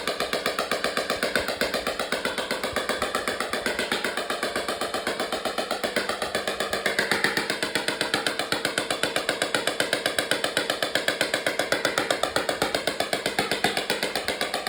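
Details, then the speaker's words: Ember, a quarter horse reiner mare with a recently popped splint after being cast, treated with extracorporeal shockwave therapy at a vet clinic over lubed skin: steady rapid clicking pulses, about 94 a minute, over a constant hum. "This is the splint that will be treated, and I want to show you the full shockwave treatment today so you can see what it's like, what it sounds like."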